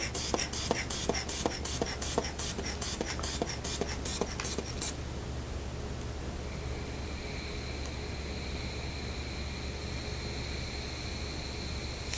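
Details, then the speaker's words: Student nurse's head-to-toe assessment: the cuff is placed over the brachial pulse and a hand bulb pumped rhythmically, then air hisses out; the reading was 140/80. "put this right there and I'm going to go ahead and check your blood pressure now for"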